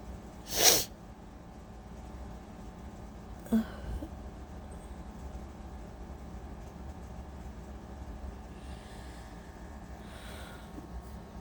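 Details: Sneezing, mostly uncovered, before a much-needed nap: one sharp, explosive sneeze, then a smaller snort-like burst against steady room noise.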